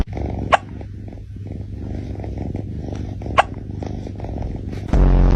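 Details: Two brief, sharp hiccup jolts a few seconds apart over a low rumbling background; a cat's hiccups.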